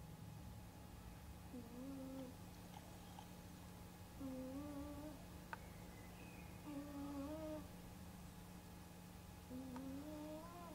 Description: Γιατί οι γάτες ροχαλίζουν κι ονειρεύονται! My cat snoring like nobody's business!